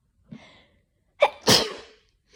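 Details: Winter sneezing in a person with slight dust allergy who usually sneezes at least twice: soft intake of breath, then two sharp explosive sneezes in quick succession in a quiet room.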